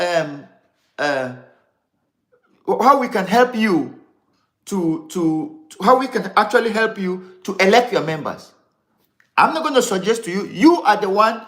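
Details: Stuttering (stammering) in an adult man who grew up a severe stammerer and was diagnosed with ADD later in life, speaking live and unedited; word repetitions are heard.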